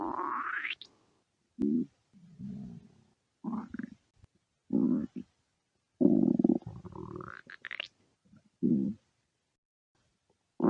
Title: stomach growling (request for @amandaforbuddies )